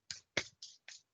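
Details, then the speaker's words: Imitated pleural friction rub in a respiratory-assessment lecture: four brief scratchy rubbing bursts, likened to two pieces of leather rubbing together, demonstrating this grating adventitious lung sound. "así, más fuerte que esto, ¿ya? Es el frote de dos cueros, no tengo ningún cuero para frotarlo, pero es dos cueros."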